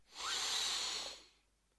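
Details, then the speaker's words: Stethoscope lung exam of an adult man with suspected angina taking deep breaths in and out: a single deep, airy breath; lungs reported completely clear, normal deep breathing. "well now I want you to take deep breaths in and out while I check your lungs in out in"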